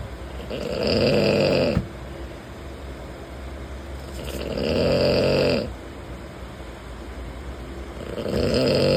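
Loud rattling snores on each breath in, roughly every four seconds, over steady train noise; ordinary snoring.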